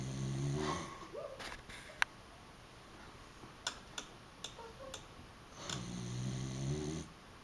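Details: Two long, low rumbling snores separated by a quiet pause with faint clicks from a sleeping Dachshund dog having a hard time sleeping because of his snoring.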